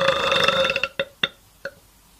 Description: Love this guy and his burps.